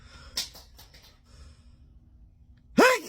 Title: Sneezing with your eyes open #sneeze #eyes #open #jacobysalliance #funnyvideos